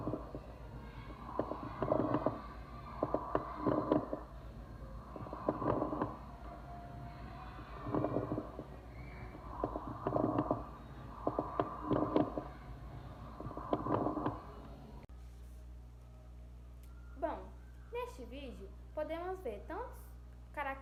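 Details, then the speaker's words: Lung auscultation teaching clip: coarse crackles from viscous fluid, low bubbling, gurgling sounds heard on both inspiration and expiration. "sub-cretantes são causados por substância líquida viscosa e trata-se de um som audível parecendo um líquido borbulhante pode ser ouvido tanto na inspiração quanto na expiração"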